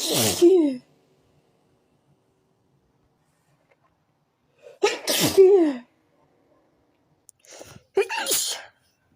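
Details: Three loud sneezes from a tickly feeling in the nose, each a sharp explosive burst, some with a brief catch before.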